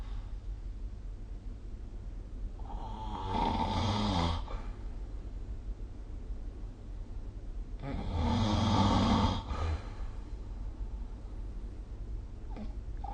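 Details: Two long, rough, rattling snores on inhalation about five seconds apart, over steady room hum; ordinary snoring during sleep, recorded with the SnoreLab phone app.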